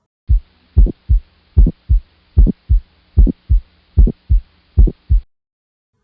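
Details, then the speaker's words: Pediatric cardiology teaching recording: regular heartbeat near 75 a minute with a sharp early click after the first sound; ejection click, usually reflecting aortic stenosis, often with bicuspid aortic valve. "An ejection click is usually appreciated at the apex of the heart. It is reflective of aortic stenosis, usually, if there's a bicuspid aortic valve as well."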